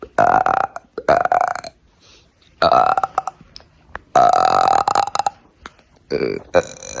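Four loud, drawn-out, deliberate voiced belches with brief pauses between them. This is voluntary burping on command.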